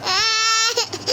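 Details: Infant crying: a brief, high-pitched, steady wail trailing off into a shorter cry.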